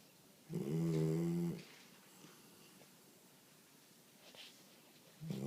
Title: Zoey girl snoring